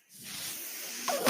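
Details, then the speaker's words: A mechanical ventilator breath: a soft rush of air builds and holds as a steady hiss, then ends in a brief louder puff and click, heard during the ventilator user's own podcast. "hello everyone my name is that noise you're hearing is my ventilator"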